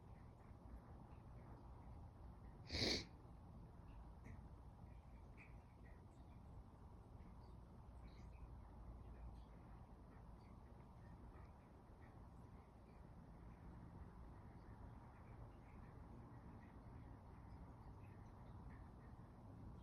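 One brief, muffled, held-back sneeze against a quiet room hum; a stifled sneeze.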